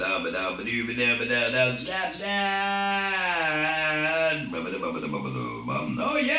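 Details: Laryngectomee scatting with an electrolarynx, without needing to use his breath; electrolarynx speech.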